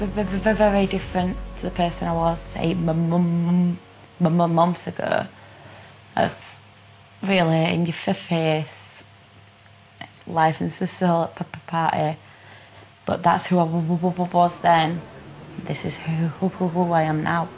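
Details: Acquired stuttering in a 23-year-old woman, arising after a minor stroke caused by the rare condition HHT the previous Christmas.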